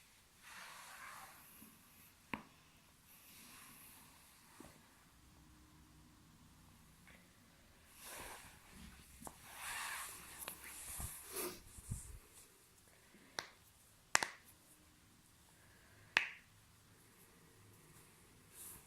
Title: BEST LOUD BACK CRACKING COMPILATION